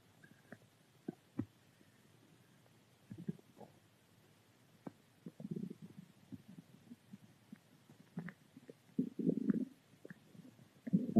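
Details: Ordinary stomach growling, normal bowel sounds, in a quiet room: irregular low gurgles and rumbles growing stronger toward the end.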